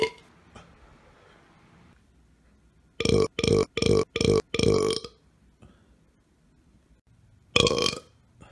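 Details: Burp collection: a rapid run of five short, loud, croaky burps, then a single longer burp after a pause; belching.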